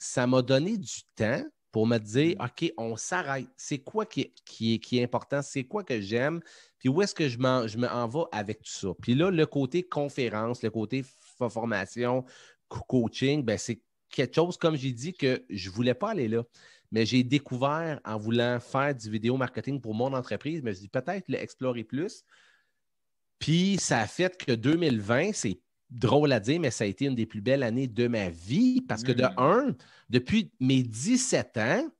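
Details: Self-reported stuttering in an adult man, who says he stutters quite a lot in real life and that it becomes more noticeable as the interview goes on; stuttering.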